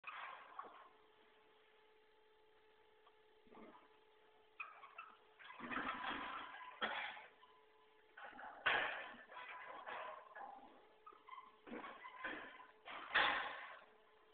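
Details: Horse gives a series of harsh, noisy coughs in clusters, with squeaking and rustling from another horse pulling hay from a feeder behind; cough.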